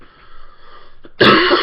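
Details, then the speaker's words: Adult talking at 4:30 a.m., unable to sleep because of repeated coughing: a quiet throaty sound, then one sudden harsh cough-like burst, close to throat clearing. "i'm sorry that's the reason i can't be sleeping because i keep coughing"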